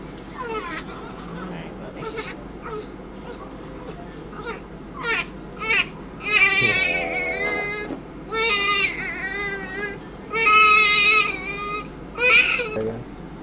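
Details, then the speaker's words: Newborn in hospital, placed under a light with blanket off, crying while having temperature taken: repeated high-pitched, strained crying bursts between quieter whimpers, adult voices nearby. "this is what he doesn't like yeah I hear he's not a big fan of getting his temperature taken either right"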